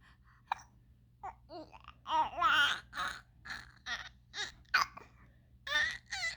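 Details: Chatty infant with hiccups: babbling and laughing, with short catching hiccup sounds breaking in between the vocal sounds.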